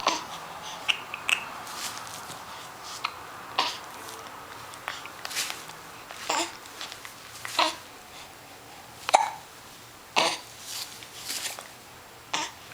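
Repeated short, sharp hiccup sounds at irregular intervals, about eight to ten over roughly thirteen seconds, in a quiet room.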